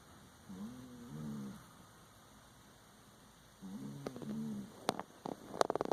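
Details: Sleeping cat snoring: two slow, buzzing, tonal snoring breaths, followed by a few faint clicks and rustles; ordinary snoring.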